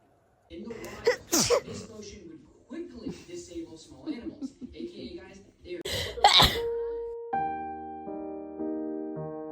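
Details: Sneezing: two loud, explosive sneezes break through talking, followed by added music; the sneeze startled a cat.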